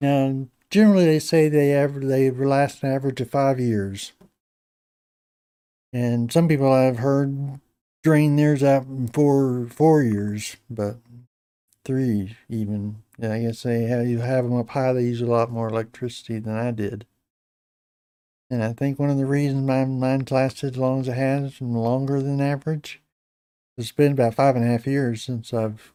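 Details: Adult man with Parkinson's disease for a little over 10 years, treated with deep brain stimulation since 2017; voice reduced and less clear than years earlier; hypokinetic dysarthria (Parkinson's disease speech).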